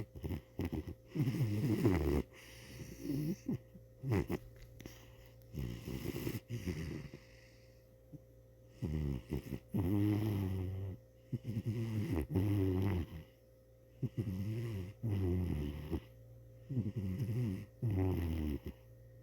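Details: Repeated rattling, purr-like snores on each breath in and out from a sleeping cat: snoring.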